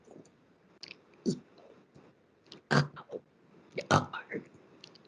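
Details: Demonstration of esophageal speech after total laryngectomy: air trapped and injected into the esophagus, upper esophageal sphincter vibrating like a burp as the sound source; esophageal speech air injection (burp-like voicing).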